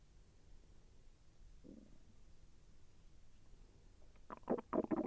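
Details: Quiet background, then a short run of soft gurgling, bubbling pops near the end, during digestion; the person felt the intestine move with slight pain. Bowel sounds.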